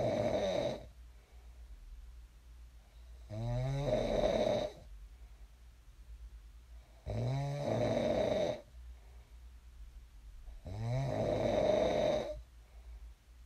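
Loud rhythmic snores on each in-breath, about 16 a minute, with quiet exhalations between; ordinary sleep snoring.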